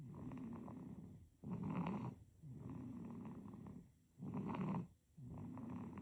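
Rhythmic snoring breaths at about 22 a minute, with louder rattling snores on alternating breaths: an infant snoring in sleep.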